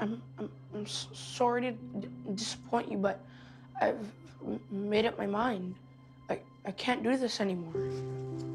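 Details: Acted portrayal of stuttering by an 11-year-old boy with a stammer in a short film.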